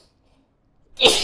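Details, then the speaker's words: Acted, simulated sneeze by a person giving a relaxation treatment: a quiet lead-in, then a single loud, explosive spray sneeze that hits the client's face; sneezing. "[鼻息]すいません。くさみいっぱい顔にかかっちゃいましたよね。ごめんなさい。"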